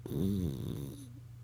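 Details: French Bulldog snoring while sleeping and dreaming: a single short, low, throaty snoring breath that fades out; snoring.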